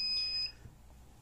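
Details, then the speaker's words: Power-on beep, a steady high-pitched electronic tone of about half a second, from an automated external defibrillator whose batteries were dead, switched on by running it from an external power adapter. "Cihazımız şu an çalışmıyordu Evet basıyoruz şimdi enerji verdim"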